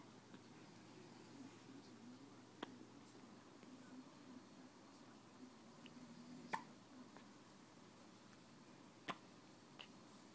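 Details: Hiccups: a few brief, sharp, spaced hiccup sounds in a quiet room, roughly three or four over ten seconds.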